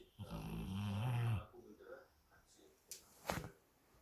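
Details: A single deep, rumbling snore on the in-breath, then quiet breathing and a soft snort, from a sleeping large dog, one of a pair (a Rottweiler and a Labrador Retriever); snoring.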